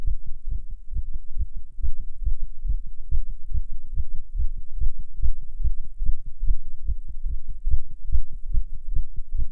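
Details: Fast heartbeat in a non-smoker while smoking a cigarette, nicotine effect: rapid, steady low heart thumps at roughly 140/min, tachycardia.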